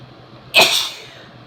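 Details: Woman with a head cold giving one strong, wet sneeze: a sudden, explosive sneeze that fades quickly against a low background hum.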